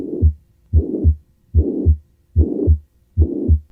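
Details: Tricuspid regurgitation: regular heartbeat near 73 per minute with a blowing murmur filling systole between the first and second heart sounds.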